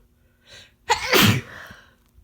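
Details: Single loud, forceful, uncovered sneeze from a sick person: a short in-breath, then an explosive burst trailing into a breathy exhale.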